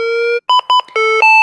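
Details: Synchronized cardioversion demonstration for adult tachyarrhythmia with a pulse, 200 joules selected: steady tone, paired beeps, then rising sustained tone as the defibrillator charges and signals ready.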